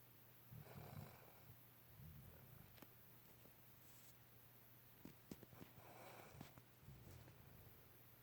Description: Sweet puppy softly snoring